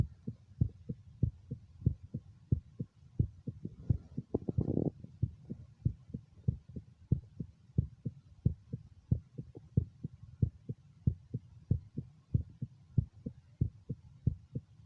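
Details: Own heart recorded over the mitral area with stethoscope during echocardiogram: steady low thumping heartbeat about 90 per minute with one brief burst of rustling noise; heart sounds.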